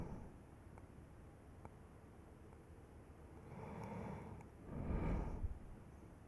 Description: 5 minute clip of snoring.